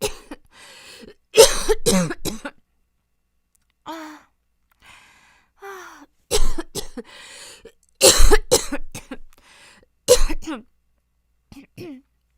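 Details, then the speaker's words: Acted coughing fit by a woman describing a long-lasting cough that is worse at night, with pneumonia and asthma tests reportedly normal: repeated harsh cough bursts in quick clusters, throat clearing and short gasps, leaving her face red. "아 죽겠다 아 기침 진짜 힘들다 얼굴 빨개졌어"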